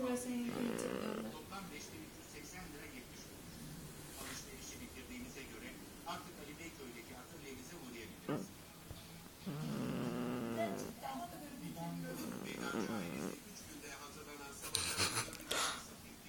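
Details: Sleeping cat, clinging to a seat, snoring: soft, rattling snores on slow breaths with background voices.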